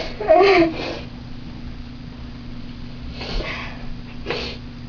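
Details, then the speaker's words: Sneeze self-induced by wiggling a bobby pin clipped in the nose: a sharp sneeze burst followed by a couple of softer sniffs and breaths in a quiet room. "And what you do is you clip it on your nose and then you wiggle it around a little bit and it makes you sneeze. But make sure you have a tissue with you because it goes everywhere."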